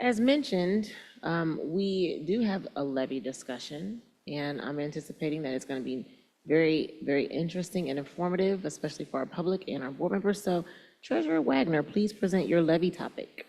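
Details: Adult woman speaking; Normal voice.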